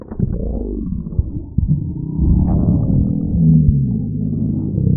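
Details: Stomach rumbling (borborygmi): low, continuous gurgling and rumbling with a brief rising squeal from gas and fluid moving through the gut.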